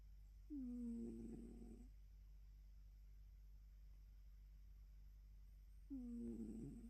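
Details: Two buzzing, tonal snores about five seconds apart over a steady low hum from an adult female cat born around 2016, relaxed in morning sleep; snoring.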